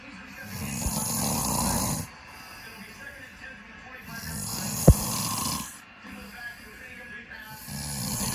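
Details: Dad snoring loudly while asleep, recorded as a prank: loud, low rattling snores on each breath in, with quiet pauses between.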